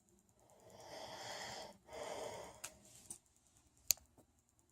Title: Snoring husband part 5